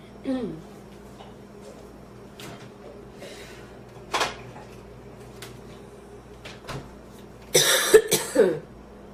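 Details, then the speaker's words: Scattered coughs and throat clearing with a few voiced gasps, ending in a louder burst of coughs; a woman's renewed, painful coughing fit after inhaling part of a sandwich. "huh i thought i was done and then i went right back into another coughing fit oh it hurts now i think i'm good"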